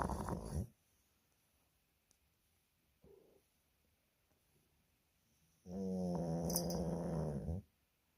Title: No... I Don't Snore